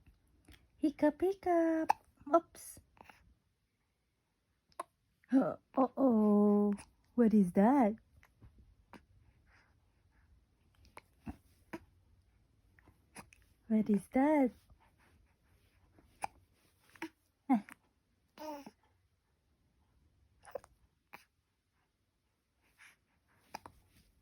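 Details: Infant in the morning makes short, sharp hiccup sounds between soft coos and vocal sounds in a quiet room.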